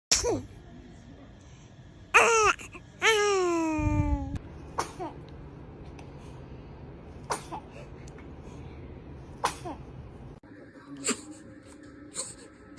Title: Cute newborn baby sneezing #baby #babylove #happy #Love #funnymoments #funnyvideos #funnybaby